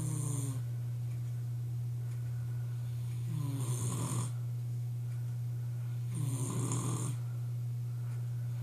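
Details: Adult male boyfriend's loud, rough snoring on two inhalations over a steady low room hum, described as his loudest in a while; snoring.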